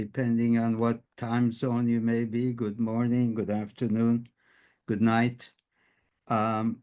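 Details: Adult male speaker; typical speech.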